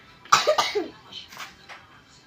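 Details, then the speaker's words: Young girl, unwell with an itchy throat after eating cookies: two or three short dry coughs, followed by soft breathing. "Duduk lagi. Hmm. sakit ya? Tenggorokannya gatal?"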